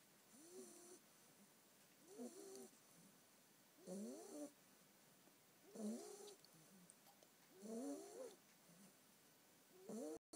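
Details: Snoring in a sleeping ten-week-old female Staffordshire bull terrier puppy: soft, regular snores, about 30 a minute, each with a squeaky, whistling nasal edge.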